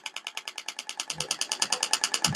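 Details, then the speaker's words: Shockwave therapy applicator firing rapid, regular sharp clicking pulses, about ten a second, sweeping over a treatment area during practical demonstration, triggered by foot pedal. "Eu vou iniciar aqui a aplicação. Então, a gente pode fazer tanto uma aplicação pontual, dependendo do objetivo, ou eu posso fazer uma varredura,"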